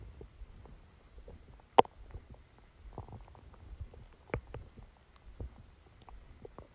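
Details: Scattered gurgles and squelching rumbles from the abdomen over a quiet background: active bowel sounds during a stomachache after Christmas dinner, recorded while the person slept.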